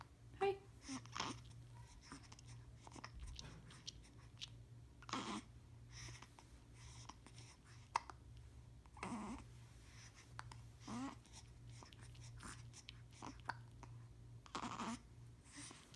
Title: Baby hiccups